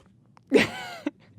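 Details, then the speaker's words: Man who has been belching non-stop for months, a problem linked to anxiety and depression and treated with an antidepressant: a single loud voiced burp with a sharp start and a falling tone, then a click; excessive belching. "hit me with that sound bite sack that's the burb the first time I stopped"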